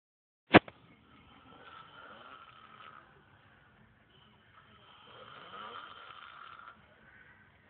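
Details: After a sharp click, two long, soft, rasping snoring breaths with a faint whistling tone, several seconds apart; snoring.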